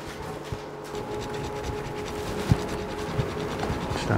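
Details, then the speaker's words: Rescue dog with deformed front legs and luxating kneecap lying inside the leg, patellar surgery on a flat femoral groove: repeated gritty scraping strokes of a rat's-tail bone file cutting a groove through cartilage and bone; bone rasp filing. "a Groove and it's hard work it's now the Bone's tough we're getting through cartilage and Bone"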